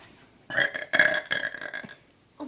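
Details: A person deliberately forcing one long, rumbling voiced burp lasting over a second, in a small quiet room; burping.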